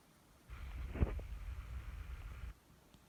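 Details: A sleeping Persian cat snoring: a single two-second low, rumbling, fluttering breath with a faint hiss above it.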